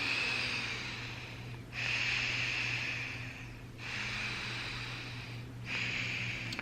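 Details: Loud, hissing nasal breaths with a faint whistling edge, roughly three cycles, from a patient several days after septorhinoplasty, intranasal splints still in place.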